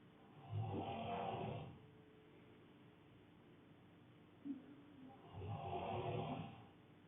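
Two long, rumbling, fluttering breaths about five seconds apart in a quiet room. Snoring, roughly 12 breaths a minute.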